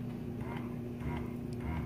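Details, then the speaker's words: Quiet motor hum with soft, fairly quick repeating pulses: a BabySteps double electric breast pump just switched on, running in its starting stimulation mode, described as unusually quiet. "one thing that I really like about this pump is is super super quiet like I have never heard a pump this quiet before"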